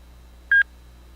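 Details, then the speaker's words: A single short two-part electronic beep in a quiet room: a rugged automated external defibrillator (AED) powering on in a demonstration, before voice prompts for a child patient. "it's a good easy device for people to use because it talks you right through it i'm going to turn it on and let you listen to how it walks you through what needs to be done"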